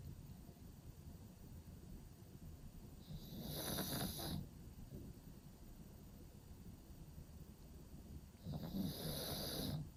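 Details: Pug sleeping in a cave-style pet bed: two long, rattling snoring breaths with a hissing nasal edge over room noise; snoring.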